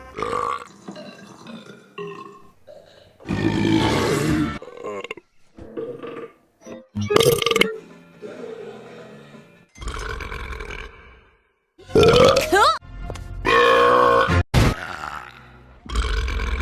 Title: cartoon characters Burping